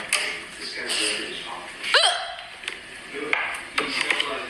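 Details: Little girl with hiccups: a short, voiced hiccup-like catch stands out among brief sharp sounds and child vocal noises.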